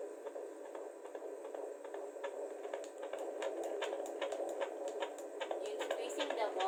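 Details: Fetal heartbeat heard at home through a newly unboxed handheld home fetal Doppler: fast, rhythmic whooshing pulse at about 150 beats a minute.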